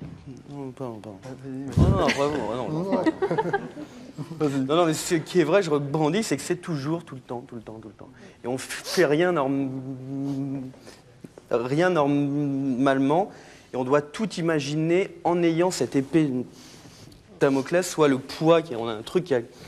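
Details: Adult male talk-show guest who has a stutter; he says his identity formed around it and that it is better today; stuttering.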